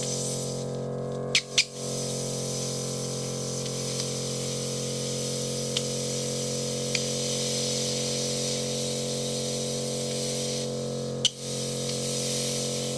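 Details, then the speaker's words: Ear microsuction in a female patient with both ear canals blocked by soft, impacted wax and extremely narrow canals; ear oiled and tragus massaged first. Steady loud hissing suction with sharp pops and crackles as soft wax travels up the tube. "Letting the suction do the work, and finally movement, very slowly. It's beginning to travel up the tube."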